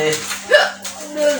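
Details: Hiccup during a spicy-food hiccup challenge: a single sudden, loud, sharp hiccup with a brief squeaky upward catch, over a steady low hum and faint background music.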